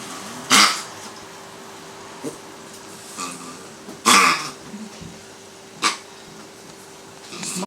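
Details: Severe stridor that began suddenly on day 660 in a small dog with primary tracheal collapse, body weight 2.40 kg; harsh, noisy breathing bursts.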